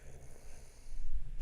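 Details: A single low, rumbling snore swelling over about a second from a sleeping adult man who fell asleep during a podcast, picked up on the microphone; snoring.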